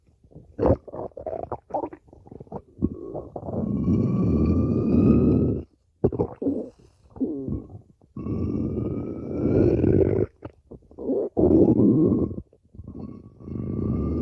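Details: Loud, drawn-out groaning growls with squeaky rising whines and bubbling gurgles between them, from over five minutes of stomach growling: borborygmi.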